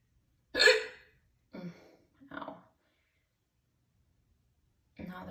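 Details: Four abrupt, loud voiced gulping hiccups at irregular intervals, the first loudest; super loud hiccups after soup for dinner followed by a lot of crackers.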